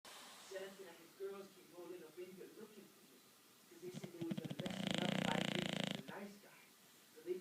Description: Friends English Bulldog snores soo loud it just makes you laugh so hard,this went off and on for about 2hours but only have this much footage,hope you like it!!